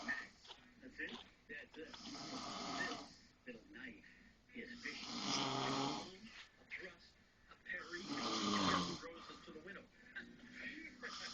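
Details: Snoring from a person sitting up who has passed out, soft rough irregular breaths about 20 a minute in a quiet room, before being woken.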